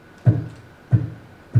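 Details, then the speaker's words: Imitated normal-intensity aortic component of the second heart sound (A2): three short, firm low thumps of the aortic valve closing under normal aortic pressure of about 120, shown in contrast to the soft A2 of aortic stenosis. "देखिए इस pressure की वजह से ये आपके wealth close होते हैं। अगर प्रेशर वहां 120 होगा तो इस तरह से क्लोज"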